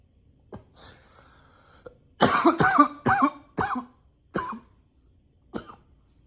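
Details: Persistent nonstop cough: a run of about six loud, harsh coughs in quick succession after a throat-clearing breath.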